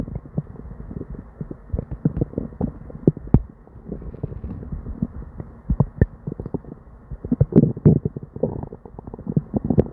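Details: Person with diarrhea: near-continuous gurgling, popping and rumbling from the belly with barely any quiet gaps; hyperactive bowel sounds of an upset stomach.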